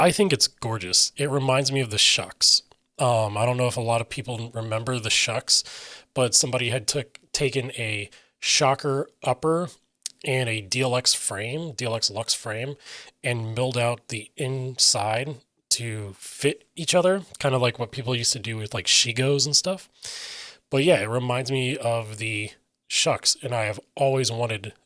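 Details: Adult male with self-reported aphasia: difficulty articulating intended meaning and getting words out, sometimes substituting words then trying to get back to the intended one, describes his own speech as scattered; aphasia.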